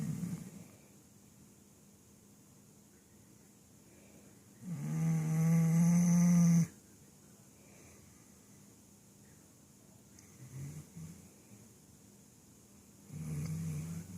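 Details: Snoring from Poppy while sitting up: one loud, buzzing snore lasting about two seconds, then quieter breath noises in a still room.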